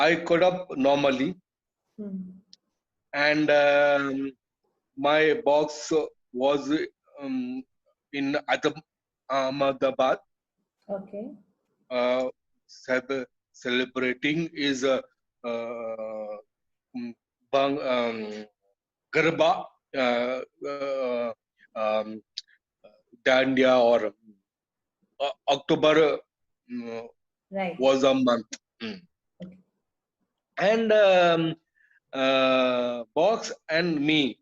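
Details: Adult male with chronic aphasia after a haemorrhagic stroke to the speech centre; he lost all speech, was told he would never speak again, and relearned it through years of speech therapy, still hesitating and leaving sentences unfinished.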